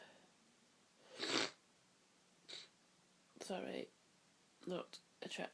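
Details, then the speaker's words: Very sniffly person with streaming eyes in a sneezing fit: loud explosive sneeze, small stifled sneeze, then several build-ups and bursts in quick succession, with false starts and stuck sneezes, quiet room. "I just need to sneeze. God, they feel so good. Bend me in half, and there's a power of them, and they make my head spin."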